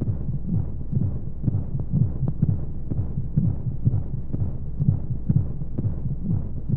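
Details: Womb-sound sleep aid for babies: steady muffled low thumping heartbeat, roughly 125 beats a minute, under a soft rushing flow-like hum of white noise, as heard in the womb.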